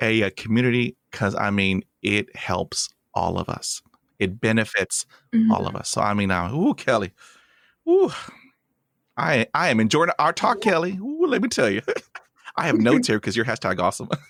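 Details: Real speech from the host of a podcast by and for people who stutter: stuttering.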